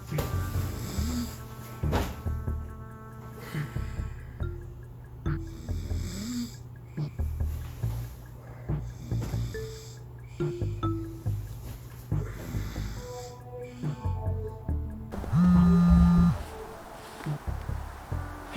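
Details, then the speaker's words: Acted, exaggerated snoring with snorts over background music in a comedy sketch of a vacationing man who snores every night and keeps his companion awake; simulated snoring. "he keeps snoring every night i can't sleep i don't know what to do"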